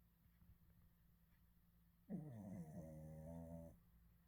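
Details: Dog snoring, initially mistaken for a person snoring: one drawn-out, droning snore under two seconds after quiet breathing, with low TV talk behind; snoring.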